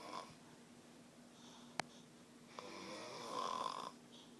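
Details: Snoring from a person who denied snoring and was recorded asleep by friends as a prank: faint breathing, a sharp click, then one buzzing, rattling snore.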